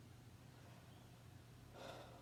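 Steady low stethoscope hum, then one soft, rushing breath near the end; normal breath sounds at a chest listening site.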